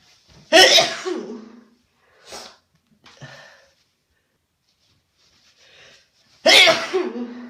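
Two loud explosive sneezes with quiet breathy sounds between them, typical of sneezing with a stuffy nose.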